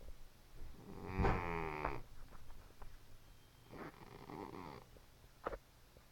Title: snoring man cat